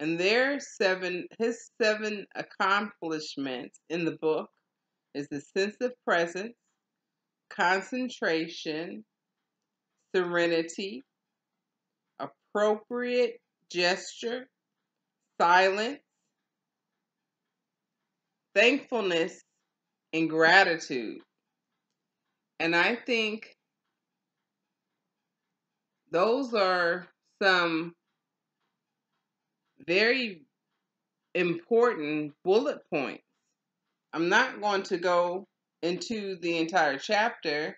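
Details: Non-fluent speech in aphasia after a stroke in a woman stroke survivor in stroke and aphasia recovery.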